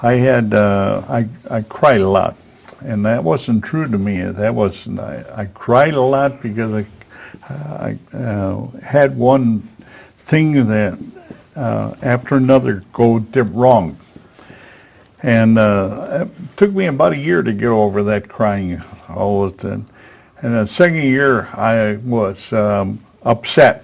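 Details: Man aged 73 at his stroke, with post-stroke aphasia, a former professional attending an aphasia conversation group for support and communication practice; real patient speech showing aphasia.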